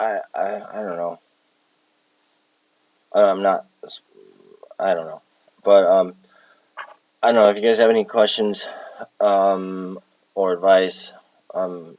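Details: Palilalia in an adult with Tourette syndrome who has echolalia and palilalia traits, recorded while exhausted with tics affecting speech; repeats words while talking.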